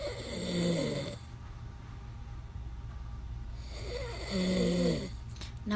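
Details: Man snoring loudly, recorded from the side by his wife: two loud, rough, fluttering snores on the in-breath, separated by a quiet out-breath pause.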